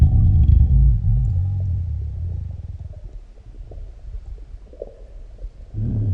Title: Had a large meal || Deep stomach growls and gurgles ||